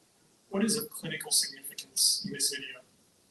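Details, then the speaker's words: A female beagle from a laboratory breeding facility gives a few harsh, raspy, airy barks, apparently attention-seeking: the hoarse bark left after devocalization. "the dog is barking and the sound of her barking um tells us it's a very horar and raspy sound you can hear um because she's been devocalized"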